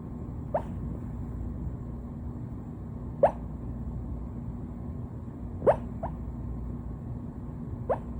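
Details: Short, sharp hiccups from a puppy, five in eight seconds, over a steady background hum.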